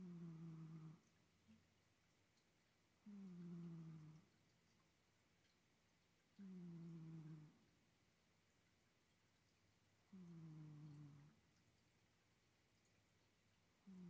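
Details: Low, humming snores about a second long, repeating at roughly 18 breaths a minute with quiet pauses between; ordinary sleep snoring in a cat.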